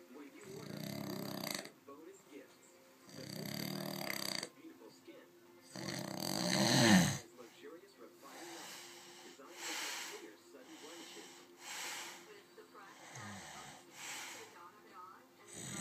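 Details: Person snoring in bed: loud rough snores about every two to three seconds for the first seven seconds, then softer breathing noise.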